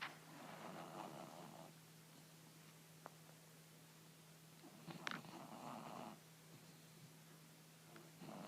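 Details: Snoring, apparently from a sleeping pet: soft, low rumbling snores in slow repeating cycles over a steady hum.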